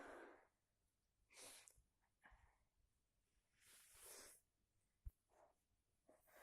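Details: Several forceful, noisy sneezes with sniffs and snorts between them in a quiet room, from a person sick for a week with a heavy cold that worsened after the home heating broke down.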